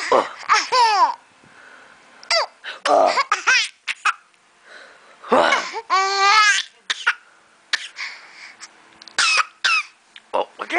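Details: A young boy imitating his aunt's cough while laughing: giggles mixed with short, playful coughs; cough mixed with laughter.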